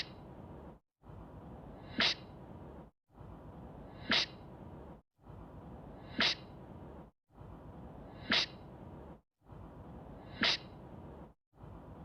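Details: Same sharp sneeze repeated five times at even intervals, roughly every two seconds, each with a short breathy lead-in.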